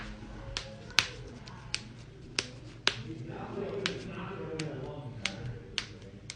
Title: loud back crack and more cracking compilation vol.4